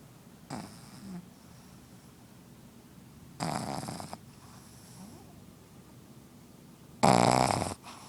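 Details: Pugzu (Pug–Shih Tzu cross) puppy snoring: three loud, rough snorting breath noises separated by quiet pauses.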